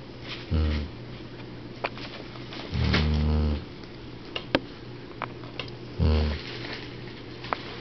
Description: 12 year old dog "Baby" snoring